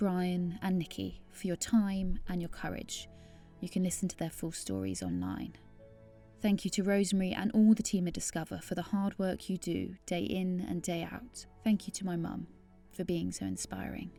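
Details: Adult woman narrating; Normal fluent speech.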